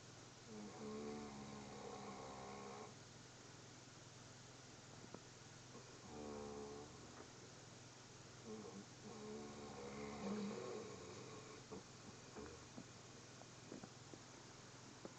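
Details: Rattling snores recurring every three to four seconds over a low steady hum from a sleeping dog in foster care; snoring.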